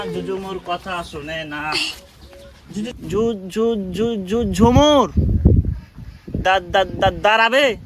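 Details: Acted stuttering by an actor in a comedic Bangla drama, with repeated syllables.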